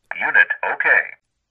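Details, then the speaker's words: ZOLL AED Plus manual self-test, started by holding the on/off button about 5 seconds: a brief synthetic voice says "unit okay", confirming the defibrillator passed its self test. "this indicates your AED plus passed the self test"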